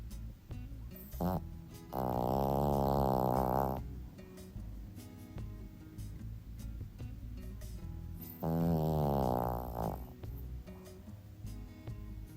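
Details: Two long, loud, buzzing snores on breaths in from a sleeping 15-year-old Shih Tzu dog, with quieter breathing between and background music.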